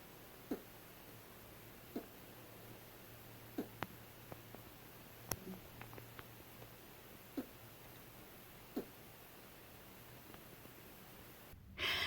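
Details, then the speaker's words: Rabbit hiccups, considered normal and self-limiting: faint, soft clicks recurring about every one and a half seconds, about eight in twelve seconds, in a quiet room. Rabbit hiccups are usually silent, with an occasional tiny squeak. "usually rabbit hiccups are silent but every once in a while you might hear like little tiny squeak with the hiccups too"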